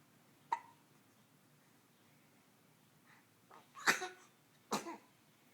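Three short, sharp, irregular gulping bursts over a few seconds in a quiet room: hiccups.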